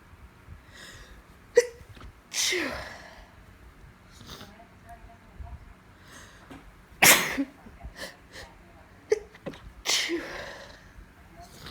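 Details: Repeated sneezing in a female with allergies on top of a cold: a run of about five sharp, explosive sneezes in close succession, each preceded by a quick catch of breath.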